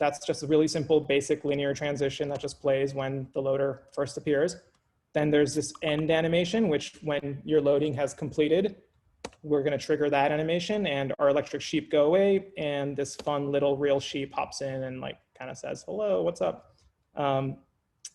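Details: Adult male speaker; normal speech.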